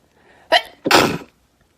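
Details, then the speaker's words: An ordinary single sneeze in a quiet room, a quick breathy intake then one forceful sneeze, in a sneezing compilation. "Crazy. I have to sneeze. Does anyone else sneeze when they look?"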